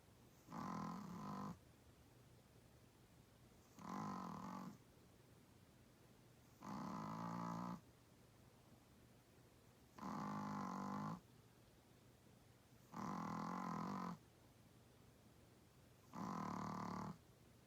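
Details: 8 lb Chihuahua-Pug dog snoring louder than most adult humans: loud, rough, rattling snores, one each breath, about 20 a minute, with quiet pauses; snoring.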